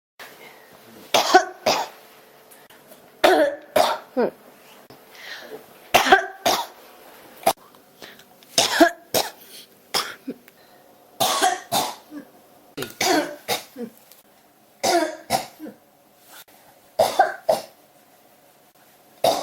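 Repeated harsh coughs in clusters of two or three, about twenty over twenty seconds, with no letup.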